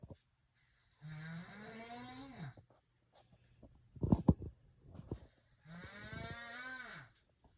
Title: How my snore sound like